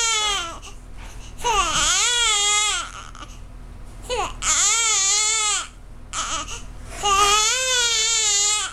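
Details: Baby girl crying in three long, high-pitched, rhythmic wails with brief pauses, while sucking on an arm; hunger cry.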